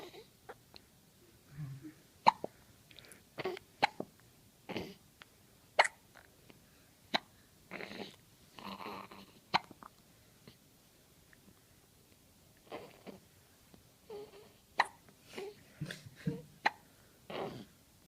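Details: Newborn baby boy on his first night after birth: short, sharp, repeated catches in his breathing, about a dozen over eighteen seconds, with soft fussing between; infant hiccups.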